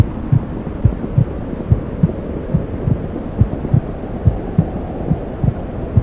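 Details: Womb sounds played to help a newborn sleep: steady low whooshing with soft regular maternal heartbeat thumps at about 70 a minute.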